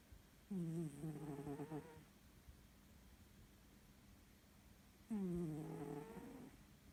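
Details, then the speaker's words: Cat (Myshka) snoring loudly at night, every night, like a big man; two loud buzzing snores about four to five seconds apart, each over a second long, with quiet between. "И вот так каждую ночь. Мышь. Она храпит, как дядька здоровенный. Словно я не с кошкой сплю, а с мужиком."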